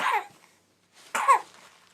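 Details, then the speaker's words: Young child gives two short, high-pitched coughs, urged to bring up mucus ("snot crud"), with phlegm then coming out; productive cough. "Go, go, go. Get another one. Just, that's all this snot crud."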